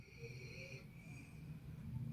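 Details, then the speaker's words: Low, rough rumbling breaths of a sleeping German Shepherd dog, soft snoring with faint room noise; snoring. "देखो खराटों की आवाज आ रही है। शायद आपको सुनाई दे रही होगी। खराटे यह ले रहा है।"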